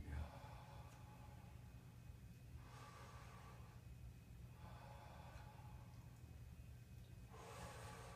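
Three slow, deep breaths are heard over a steady low room rumble. The breath sounds are clear, with no wheeze or crackles.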